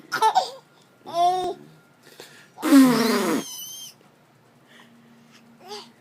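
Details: Adult man sneezes loudly into a tissue held by his 9-month-old baby, who laughs hysterically and babbles in a small, quiet room.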